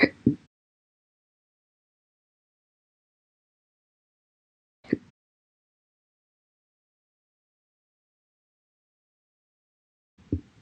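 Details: Slow hiccups after breakfast: brief, sharp, isolated hiccup sounds about five seconds apart, separated by silence.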